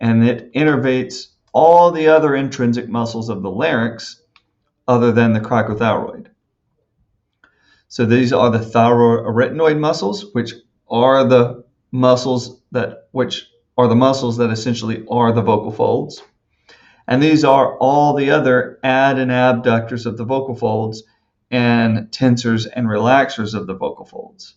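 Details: Adult male speaker; normal speech.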